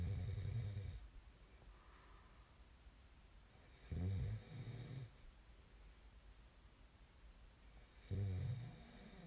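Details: Sleep snoring: slow, rough snores on inhalation, about 14 per minute, with quiet breathing between; typical adult snoring during sleep.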